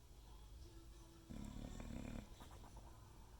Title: snoring II